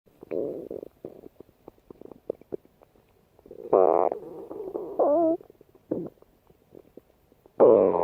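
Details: Irregular gurgling and squeaking stomach rumbles with bursts of bubbling and quiet gaps between: bowel sounds (borborygmi).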